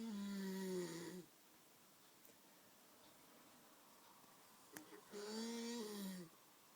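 Two loud, tonal, buzzing snores on the breath in, separated by a few seconds of quiet breathing. Rough, high-pitched snoring.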